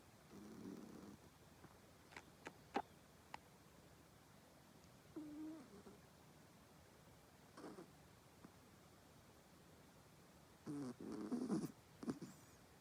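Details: A sleeping pet cat gives a few soft, buzzy, irregular snoring breaths separated by quiet pauses in a quiet room.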